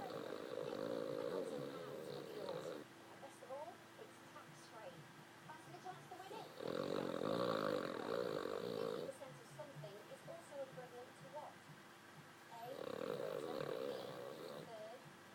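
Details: Dog snoring while asleep, and the owner says he can snore louder: regular rattling snores about every four to six seconds, with quieter breathing between them.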